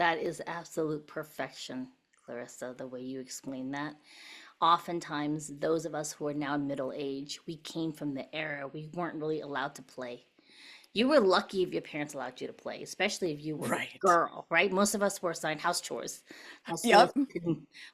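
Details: Adult woman speaking; normal voice.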